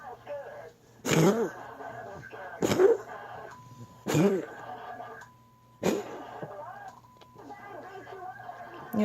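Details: Cat named Socks gives four sharp, forceful coughs over background talk and household noise.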